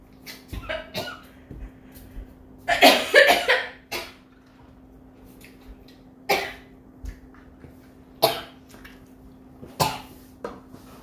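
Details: Korean girl, a streamer, coughing a lot: repeated dry coughing bursts, about seven or eight in eleven seconds, one a longer cluster, over a faint steady hum.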